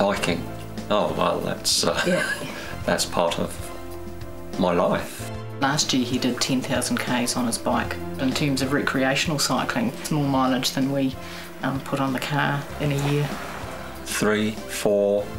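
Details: Adult woman speaking, with background music; normal speech.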